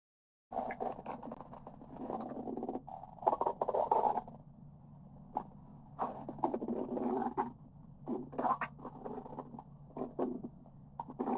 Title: my stomach growling for 38 second #17